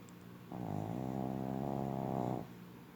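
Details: Pug dog snoring very loudly: one long, loud, buzzing inhaled snore of about two seconds, with quieter breathing before and after; snoring in a flat-faced breed.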